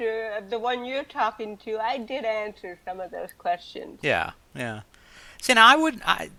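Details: Adult woman with cerebral palsy from birth, also hearing impaired and wearing hearing aids, speaking in a real 2013 interview; dysarthric speech in cerebral palsy.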